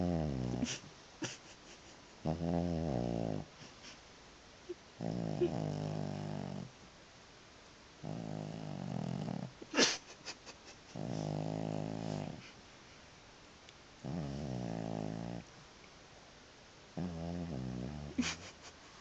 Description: This is my cat Murdoch snoring. He was louder than the TV.